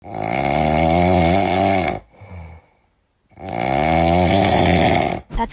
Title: TOP 5 FUNNIEST SNORES IN THE WORLD! 😮🤣